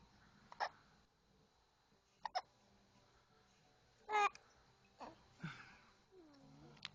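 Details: Hiccups in a pet referred to as a little girl: several brief, abrupt squeaky catches at irregular intervals in a quiet room.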